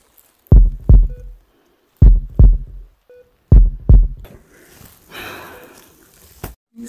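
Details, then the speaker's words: Staged ASMR nurse roleplay, not a real exam: three paired deep lub-dub thumps at about 40 a minute, then rustling, as a simulated heartbeat check. "Let me just check your heartbeat while I'm here."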